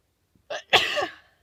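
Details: Sneezing after a shower and blowing the nose beforehand: a short in-breath, then one sharp, hissing burst of air; a single sneeze.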